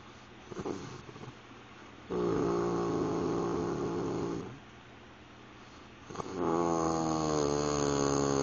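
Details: Adult sleeping after driving about 5000 miles in 5 days: long, loud rattling snores with humming, almost purring tone, separated by quiet breaths.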